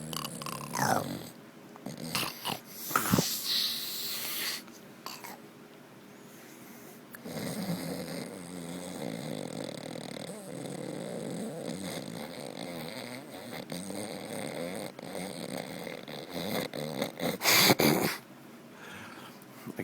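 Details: Sleeping dog with loud, irregular, rattling snores, snorts and wheezy breath noises.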